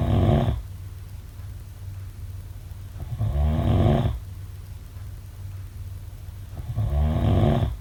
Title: Snoring sounds